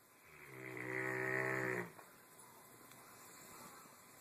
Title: Fog horn doggie snore